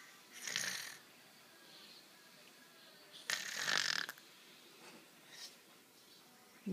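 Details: Adult imitates how grandma snores: two harsh, rattling breath noises about three seconds apart, with fainter snorts between, in a quiet room; imitated snoring.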